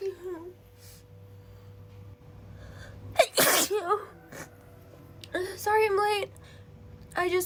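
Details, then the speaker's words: Acted scene of a girl sneezing repeatedly after getting cold and wet in the rain, with a mild headache: one forceful sneeze amid short vocal sounds and breaths. "sorry it's just I'm cold and and wet I can't stop sneezing"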